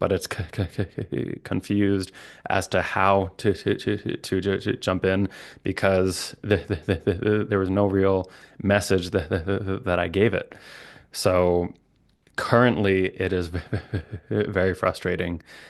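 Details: Adult man, a licensed speech-language pathologist who stutters, with repetitions and blocks; stuttering.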